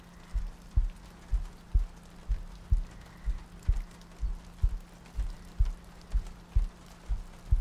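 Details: ASMR sleep-aid loop of a heartbeat with soft breathing and rain ambience: regular soft low thumps in pairs at about 62 beats a minute over steady rain noise.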